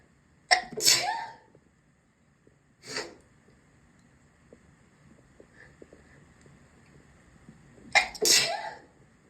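Three sharp sneezes, two of them in quick double bursts, in a quiet small room.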